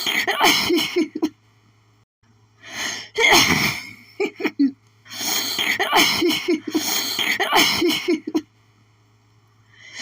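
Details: Person's itchy sneezing fit from pollen, strong enough to double them over: a rapid run of repeated explosive sneezes with short gasping in-breaths between them.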